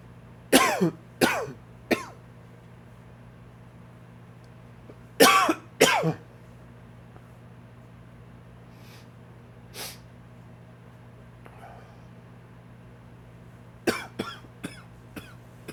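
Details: An adult with flaring allergies has a dry cough: bouts of short, dry coughs with a steady low hum in the background.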